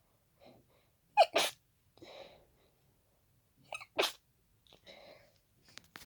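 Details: Two forceful, congested sneezes into tissues, each led by a quick indrawn breath, with soft breathing and sniffing between them: a fast pollen-triggered hay fever sneezing fit.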